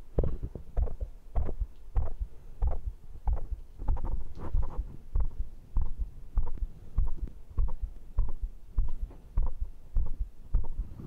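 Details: Adult heartbeat recorded for ASMR right after a workout set of dips, crunches and pull-ups, with heart rate stated as 122: steady, regular low double thumps; normal heart sounds, fast after exercise.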